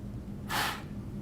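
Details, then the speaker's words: Patient's single maximal forced exhalation into a peak flow meter during a peak flow test after a big deep breath: a sharp, forceful blast lasting about a third of a second, read as 330 L/min. "all right take a deep breath for me and blow it out okay ready all right big deep breath blow as hard and as long as you can"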